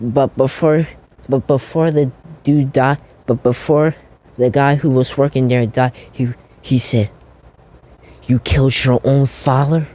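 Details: Stuttering, self-reported by a male narrator who says he stutters a lot, with repeated words and phrases while narrating a story.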